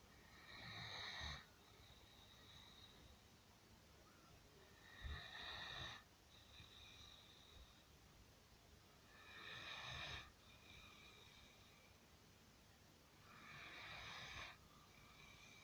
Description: Ambrose is a typical Great Dane. Big snores and no personal space